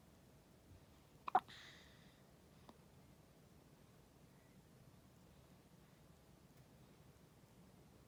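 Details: 14-day-old newborn with hiccups: one soft, sharp hiccup with a tiny voiced catch and a fainter second click in a quiet room.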